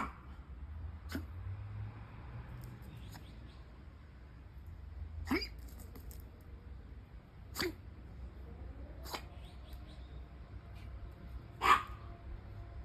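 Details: Dog with a cold (named Cookie) sneezing: repeated short, sharp nasal bursts, about six over a dozen seconds.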